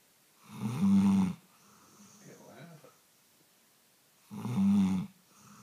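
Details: Labrador dog snoring while asleep: loud, low, vibrating snores on inhalation with softer breathy exhalations between, in a quiet room.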